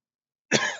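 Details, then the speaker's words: A single short, harsh cough after silence from an adult teacher with a hoarse throat during a chemistry lecture; cough. "मेरी आवाज़ थोड़ा कम आ रही होगी क्योंकि मेरा गला बैठा हुआ है, सॉरी।"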